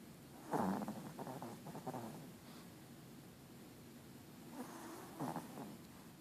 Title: Izzy snoring